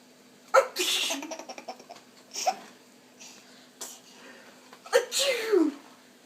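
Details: Young child making two loud fake sneezes with bursts of giggling between them; imitated sneeze.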